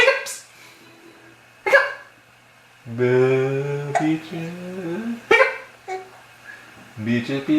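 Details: Laughing with hiccups: brief sharp catching sounds with abrupt onset mixed with voiced laughter.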